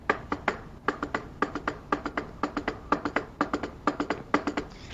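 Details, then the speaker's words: S3 gallop demonstrated for heart failure teaching: rapid triplets of heart sounds (S1, S2, extra S3), fast from the tachycardia of sympathetic activation, like a galloping horse; in an old person an S3 means heart failure. "it sounds like a horse running, galloping. And that's why it's called S3 gallop. Summarizing, for anxious, S3 gallop is heart failure."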